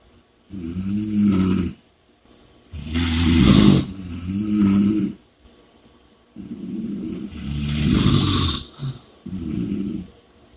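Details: Loud rattling snores on the in-breath with hissing out-breaths, about four breaths in ten seconds, a fast rate; heavy snoring and heavy breathing.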